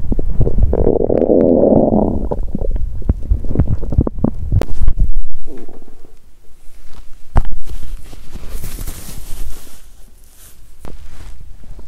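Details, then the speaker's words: Loud low gurgling rumbles with squeaks and pops, stomach growling on an empty stomach after exercising while hungry; loud bowel sounds (borborygmi). "Nghe nhiều âm thanh khác nhau thật buồn cười 😂 ♪ "Ồn ào quá!"."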